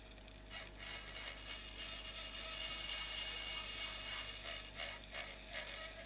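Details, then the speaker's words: Temporal bone dissection, not a live case, sequentially thinning bone over the vertical facial nerve segment. High-pitched whirring and grinding of a surgical bone drill, in pulses as it is applied and lifted. "So we'll sequentially thin out this bone. In live situation, you have to use a diamond drill with lots of irrigation."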